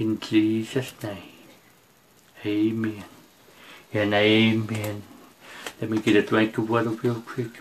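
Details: Preacher who says he has a speech impediment, can't see straight, hears poorly and can't get out unless someone drives him; speech impediment.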